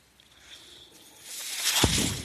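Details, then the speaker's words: Breath from a podcast speaker's own mechanical ventilator, heard while he talks: mechanical ventilator breath cycle. "That noise you're hearing is my ventilator."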